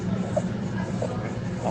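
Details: Inspiratory stridor, played as a teaching example of supraglottic obstruction in a clinical otolaryngology session on laryngomalacia, with intercostal retraction mentioned; inspiratory stridor.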